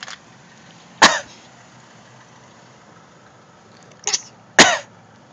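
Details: Child coughing: three short, sharp coughs spaced over a few seconds against quiet room noise.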